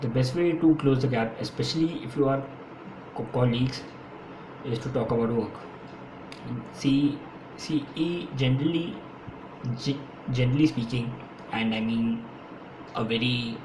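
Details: Adult man who has stammered since his school years; stuttering.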